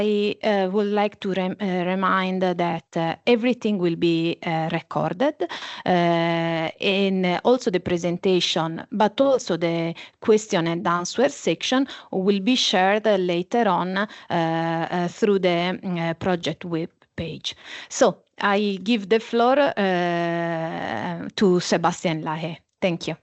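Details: Adult woman speaking; Normal voice.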